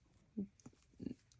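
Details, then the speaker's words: Adult woman's loud stomach growling (borborygmi), heard while she talks. "Y'all, my stomach is growling so loud. I don't know if you can hear that. If you can, I apologize because it's so loud."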